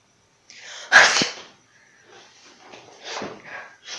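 One acted sneeze with a short inward breath and a loud burst, then faint breathy sounds.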